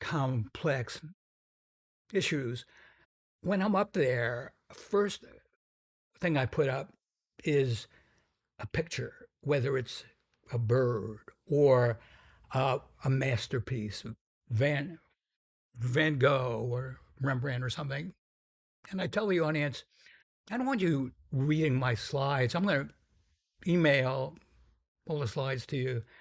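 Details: Adult man with a stutter the host calls pretty strong and variable in severity; stuttering.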